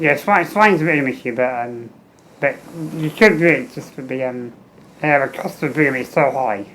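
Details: Adult man with muscular dystrophy and low lung capacity, tracheostomy for 15 years, ventilator-dependent, fenestrated tube, speaking valve in ventilator circuit, air leak around trachea; ventilator-timed speech with tracheostomy.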